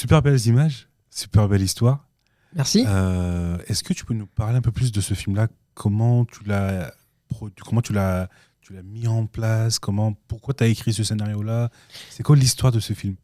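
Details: Adult male speaker; typical speech.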